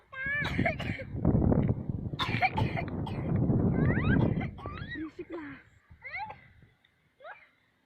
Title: Aku batuk saat makan di persawahan.